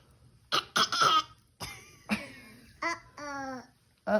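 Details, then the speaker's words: Young child (Brantley) giving several short, deliberate fake coughs mixed with playful voiced sounds while being taught to fake cough: voluntary cough. "we're teaching you fake cough"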